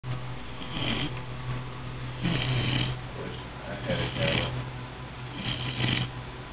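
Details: Repeated low, rattling snores over a steady room hum, a few breaths heard within a few seconds; a person snoring.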